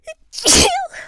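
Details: Female, during a bout of sneezing with streaming eyes: a quick breath in, then one loud explosive sneeze ending in a voiced cry-like tail.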